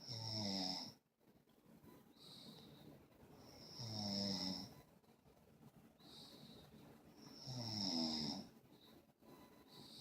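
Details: Soft snores with a whistling edge on each breath, about 16 a minute, with quiet pauses between them: snoring.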